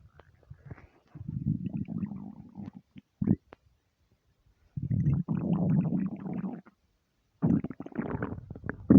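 Long, low gurgling rumbles in three bursts separated by quiet gaps; ordinary hunger-related bowel sounds.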